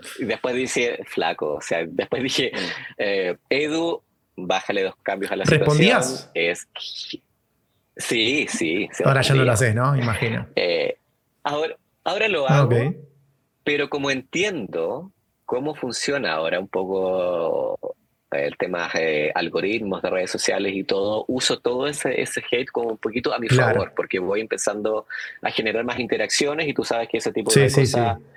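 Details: Adult man who stutters, speaking Spanish; stuttering.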